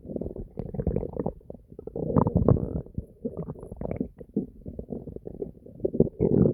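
Continuous gurgling and deep growling from the belly; normal bowel sounds.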